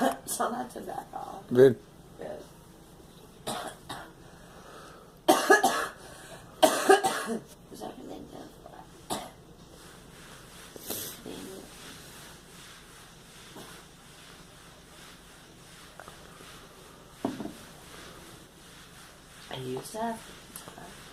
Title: Girl coughing